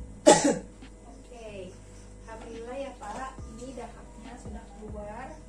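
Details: Nursing skills demonstration of the effective cough technique on a male patient: after slow deep breaths held for a count of three, one strong, sharp, deliberate cough to clear sputum, followed by quiet talk.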